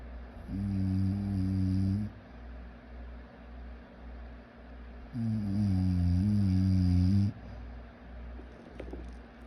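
Two long, loud, low droning snores about two seconds each, separated by quieter breathing, over steady room hum.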